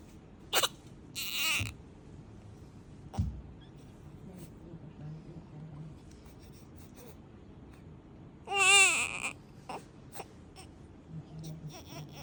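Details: Newborn baby girl making sounds: brief squeaks, a short whimper and a single high newborn cry over quiet room noise.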